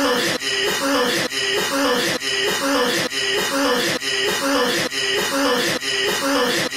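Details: Person coughing, looped for 10 minutes: repeated harsh, loud, rasping coughs in an evenly looped sequence, roughly one a second.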